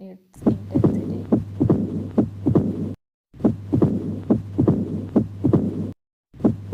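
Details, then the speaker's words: Regular heart sounds through a stethoscope, with a low rumbling diastolic murmur filling the pauses between beats; described as mitral valve stenosis, mild disease. "This sound is produced in Mitral Valve Stenosis when the disease is Mild"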